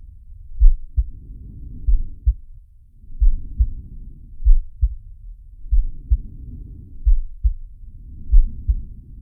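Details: Simulated heartbeat and breathing of Sharky, an animated cartoon shark from Zig & Sharko: steady paired heart thumps about 45 a minute under soft rhythmic breath noise.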